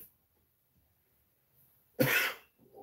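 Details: A single short, harsh cough in a quiet room from an adult who says their throat is scratchy; cough.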